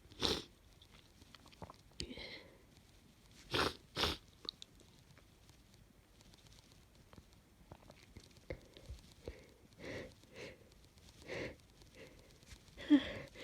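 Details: Person with a cold, snotty sneezing fit: several sharp, explosive sneezes in close succession, with quieter sniffing and rustling between them.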